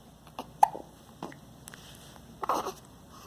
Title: Almost dropped the camera... Not the baby! Hiccup!